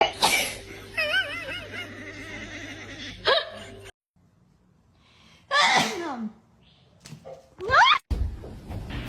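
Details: Several loud, sudden human sneezes with a cat meowing in between as it hears them; sneezing.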